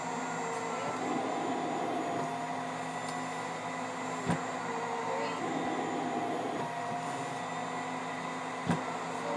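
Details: Child after 30 minutes of vest therapy: steady motor hum of suction machine with brief gurgling pulls clearing airway secretions, following Cough Assist (mechanical insufflation-exsufflation via resuscitator mask with oxygen); airway suctioning.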